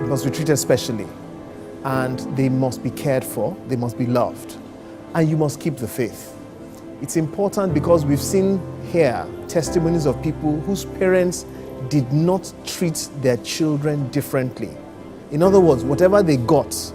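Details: Adult male speaker; normal speech.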